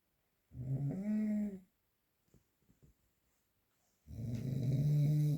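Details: Two long low rumbling snores with a buzzing, vibrating quality, separated by a quiet pause with faint soft noises; real unprocessed recording of snoring during sleep.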